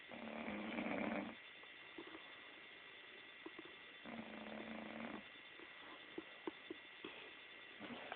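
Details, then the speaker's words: Female friend asleep, snoring very loudly and getting louder: two long, rumbling snores about four seconds apart with quiet room noise between; snoring. "I think kids could see the It just keeps getting louder. I'm starting. I know. But you have to admit this is funny."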